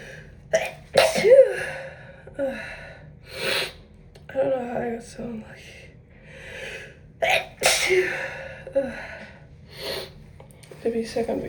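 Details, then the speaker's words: Several sharp sneezes with gasps and sniffing between them, induced with a tissue by a person with a head cold and possible allergies, a blocked yet dry nose, taking decongestants. ">> I just sneezed like a triple, too. God."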